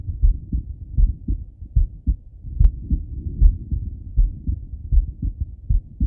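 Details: Male lying on his left side, heart heard through a stethoscope: steady low lub-dub at about 75 beats per minute with faint stethoscope rubbing; normal heart sounds.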